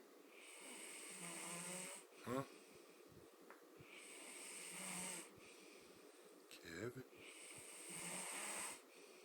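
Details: Long, rasping snores with a hissing edge about every four seconds, with brief squeaks and background noise, from a sleeping Black man who claimed he doesn't snore; snoring.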